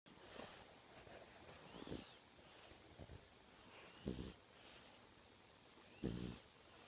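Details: Snoring French Bulldog, asleep, snoring all night long: low, rattling snorts with each breath, a few seconds apart, over a quiet room hiss.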